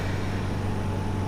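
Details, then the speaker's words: Oxygen concentrator just switched on with its black button, drawing in room air through a side filter to supply oxygen to a patient; steady low mechanical hum and rumble. "On करने के बाद में आप देखेंगे कि ये वातावरण की जो एयर है उसको लेता है और उसमें से ऑक्सीजन को"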